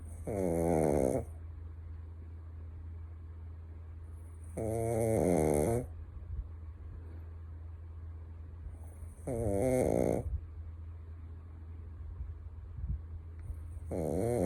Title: Snoring Chucky the Shitzu